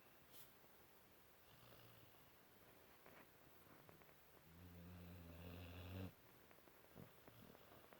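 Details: Snoring in a sleeping 5-month-old Cane Corso puppy: a low rumbling snore with a strong droning inhale, against quiet room noise.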